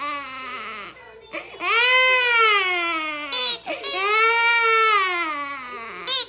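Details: 7-month-old infant gives long, rising-and-falling wails between short gasping breaths, frightened by a bumblebee anti-bump cushion's beep sound; infant crying.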